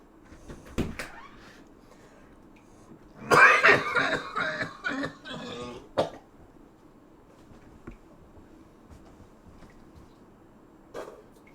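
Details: An adult who mentions a smoker's cough, while cooking steak: a harsh, rapid run of coughs, then a few isolated coughs, in a quiet room; irritant cough.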